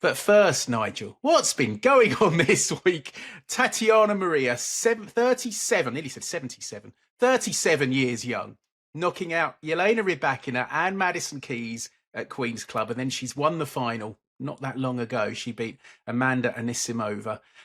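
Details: Adult male speaker; Normal speech.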